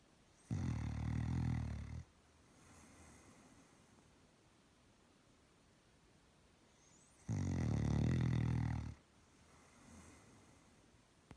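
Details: Two long, loud, rumbling snores about six seconds apart, each followed by a softer breath out; ordinary snoring in a sleeping Doberman dog.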